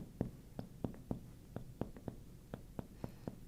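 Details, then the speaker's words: Reflex-hammer percussion of the back to locate the diaphragm: about a dozen sharp taps, the note changing where lung gives way to diaphragm, marking its edge. "there, there's a change in the sound from here to here. I'm going to find right where the edge is, which is right there."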